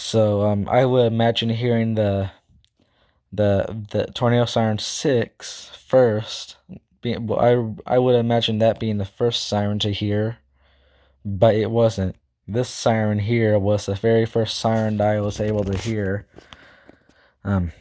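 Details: Male speaker who describes himself as stuttering, talking too fast and unable to speak properly; stuttering.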